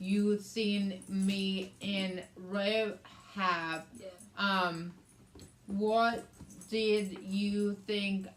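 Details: Adult woman with aphasia, also affecting reading and writing, after a hemorrhagic stroke on May 19th 2020 that needed brain surgery and ICU care and left right-sided hemiparesis; aphasia.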